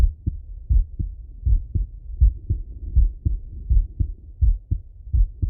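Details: Male heart auscultation with a stethoscope, recorded partly sitting at a desk and partly lying in bed: a regular, clear two-part heartbeat at about 80 beats a minute; normal heart sounds.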